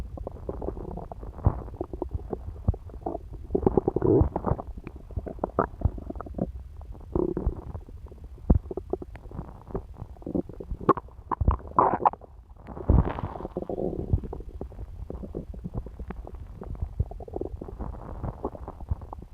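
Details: Continuous low gurgling and rumbling from a woman's belly after eating pizza, with scattered clicks and bubbling bursts; bowel sounds (borborygmi).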